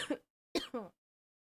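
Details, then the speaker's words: Cough: a few short, voiced coughs or throat-clearing bursts from an adult who is sick and has been coughing a lot all day. "As you can hear I'm still sick. Been coughing coughing coughing quite a lot today."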